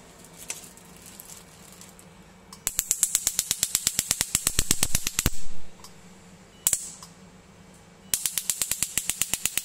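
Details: Portable picosecond skin laser machine firing: rapid trains of sharp snapping clicks over a low machine hum.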